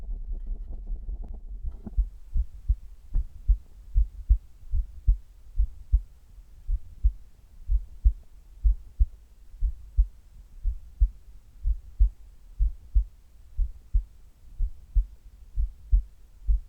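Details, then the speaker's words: Low, regular thumping heartbeats at about 100 per minute, recorded during sit-up (abdominal crunch) exercise, with rubbing noise at the start; heart sounds during exercise. "今日は腹筋をしている時の心音を取っていきたいと思います。腹筋している時の心音は初めてなので、ぜひ聞いて楽しんでいただけると嬉しいです。"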